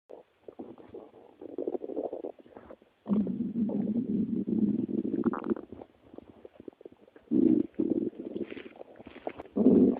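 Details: Woman's stomach growling: irregular gurgling rumbles in bursts of varying length with brief quiet gaps, ordinary growling from gas and fluid moving through the gut.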